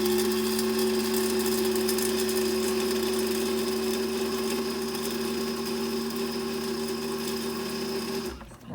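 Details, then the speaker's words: Dental amalgamator mixing an amalgam capsule before a silver filling: steady high-pitched motor whine with a fast shaking rattle for about eight seconds, then stopping. "So now my lovely assistant here is going to titrate the amalgam in there. Go ahead for 10 seconds. Spread that up real well."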